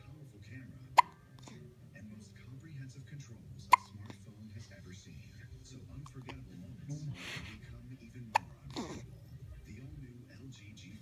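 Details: Someone gets the hiccups: three abrupt, sharp hiccups several seconds apart over background television talk.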